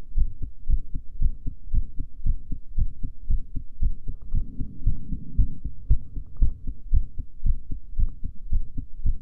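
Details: Female heartbeat recorded after breath holding: regular soft, low paired thumps at roughly 115 beats per minute; normal heart sounds.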